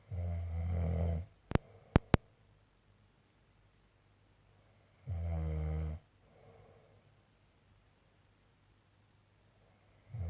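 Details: Snoring in an adult man, a boy back from working away: loud, low, rattling snores about 1 second long, separated by quiet pauses of several seconds, with a few sharp clicks after the first.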